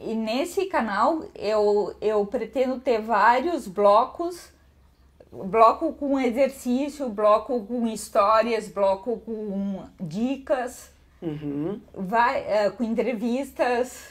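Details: Ataxic dysarthria in a 51-year-old woman with autosomal dominant hereditary spinocerebellar ataxia (Machado-Joseph type) affecting the cerebellum, gait and speech; symptom onset at 38, diagnosed at 40.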